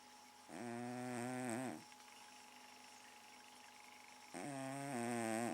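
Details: Cat asleep in the living room, said to snore all night: buzzing, tonal snores on the in-breath, two heard in a quiet room; snoring.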